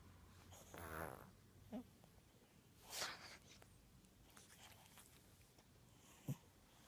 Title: Kitty snores